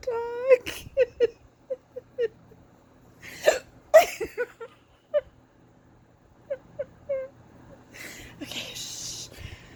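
Repeated short, sharp voiced gulps at irregular intervals, some with a squeaky catch, and a laugh near the end: a bout of hiccups.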